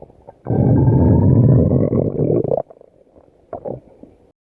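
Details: A loud, low gurgling rumble lasting about two seconds, then fading: ordinary stomach growling (borborygmi).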